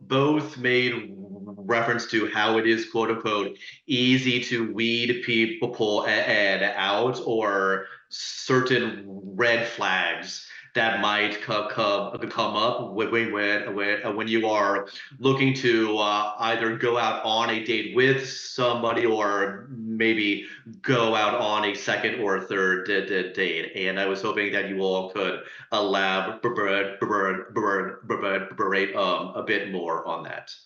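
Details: Adult who stutters speaking as a panelist, with audible repetitions and blocks; stuttering.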